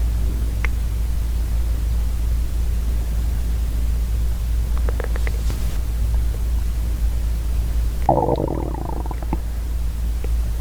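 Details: Steady low rumbling hum with a brief burst of gurgling about two-thirds through and faint clicks from a hungry girl's stomach; stomach growling (borborygmi).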